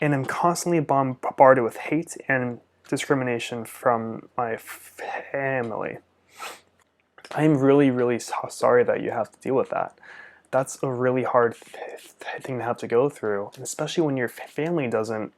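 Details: Stuttering in an adult male speech-language pathologist who stutters, with upper-body jerks as secondary behaviours, co-occurring Tourette's syndrome with facial, jaw and neck tics, and a father who also stuttered.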